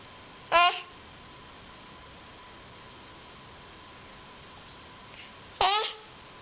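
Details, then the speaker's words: Hiccups: two sudden, short squeaky catches about five seconds apart over faint room hum. "Hey, do you have hiccups? You have hiccups?"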